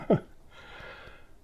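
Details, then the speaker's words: Dog snoring: a single short snorting breath with falling pitch, then quiet breathing noise in a small room. "by the way can you hear my snoring dog"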